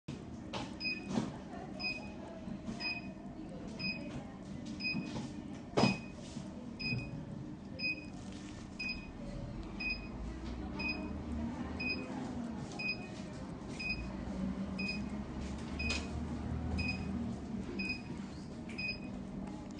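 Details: 980nm diode laser vascular vein removal machine giving steady electronic beeps about one a second over room noise while firing; diode laser machine beeping.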